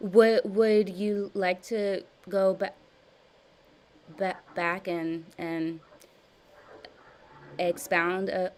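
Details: Adult woman with stuttering since childhood, with severe blocks, in a live stuttering therapy session practicing voluntary stuttering and cancellations; word repetitions and revisions; stuttering.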